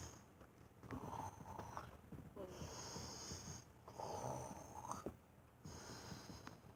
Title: Snoring beauty